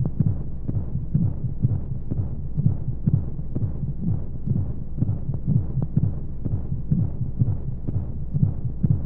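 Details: Baby sleep-aid womb sound with white noise: steady low muffled heartbeat thumps, roughly 125 a minute, under soft rushing noise.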